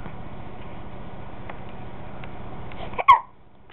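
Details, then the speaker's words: Baby with hiccups: steady room noise, then one sharp, abrupt, short catching sound near the end, an infant hiccup. "Oh, do you have the hiccups, poor baby?"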